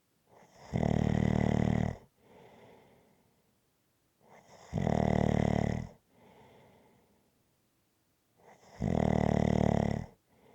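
Loud rattling snores on each in-breath with softer out-breaths, about 15 breaths a minute, steady and rhythmic; snoring during sleep.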